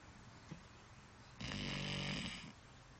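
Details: Dog asleep in an awkward position with head pressed against a sliding glass door: a single harsh, buzzing breath lasting about a second, with a faint snort before it; snoring.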